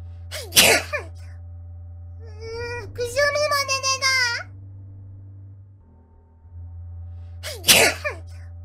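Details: Two sharp explosive sneezes separated by a high sung or squealed vocal sound, over steady electronic hum, during a stream by a streamer using a face-tracking app; sneezing.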